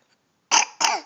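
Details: Two short, sharp coughs in quick succession from a young girl during a letter-learning session, then told to cover her mouth; cough.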